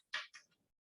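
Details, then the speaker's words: Imitation of normal vesicular breath sounds made by gently rubbing a leaf between two fingers near the ear: soft, brief, high-pitched rustling, representing air moving into expanding and contracting alveoli. "Y así se escucha un murmullo vesicular. Así de suavecito y de bonito."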